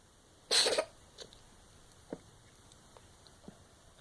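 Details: Pet animal giving one short, harsh cough-like burst, followed by a few faint clicks in a quiet room; cough.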